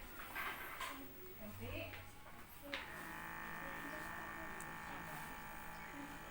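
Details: Automatic digital blood pressure monitor (tensimeter) cuff on a person measuring their own blood pressure: handling noise then steady motor whir of cuff inflation; reading 141/102 taken 15 minutes after eating.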